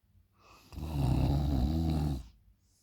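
One loud, deep, rattling snore lasting over a second, quiet on either side; snoring from airway vibration during sleep.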